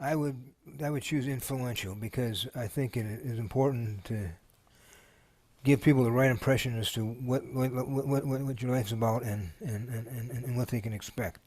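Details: Person living with Parkinson's disease answering a question aloud, shown as an example of speech disfluency: repeated sounds and words that appear motoric, not word-finding; stuttering-like disfluency (repetitions) in Parkinson's disease.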